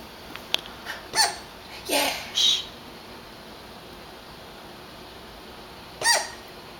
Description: Our puppy gets the hiccups and sounds like she swallowed a squeaky toy